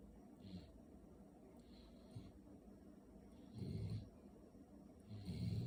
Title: My puppy just snoring for 10 minutes!